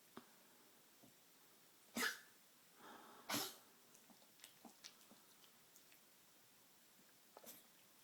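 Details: Tracheal cough in a 13+-year-old Maltese with degenerative valve disease (murmur, enlarged heart, leaky valve). Two harsh, forceful cough bursts with snuffling and small clicks between. His cardiologist says the cough is tracheal, not cardiac.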